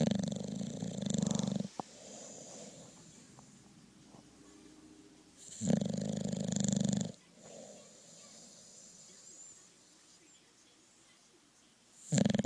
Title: My dog snoring, have to watch the whole video